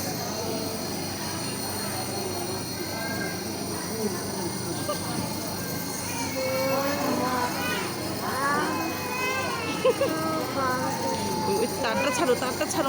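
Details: Baby receiving nebulizer treatment for cold and cough: steady mechanical hiss and hum of a running nebulizer compressor, with voices in the background.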